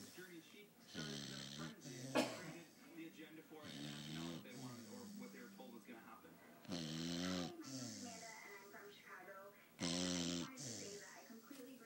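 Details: Sleeping puppy, irregular nasal, whistling snores about 20 a minute, some loud and buzzy, between softer breaths: snoring.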